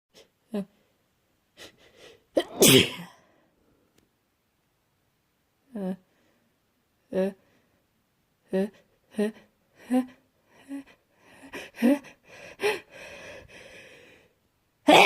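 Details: Sick person with a cold sneezing from a tickle: one loud, explosive sneeze, short sniffs and soft catching breaths, then a quick burst of further sneezes.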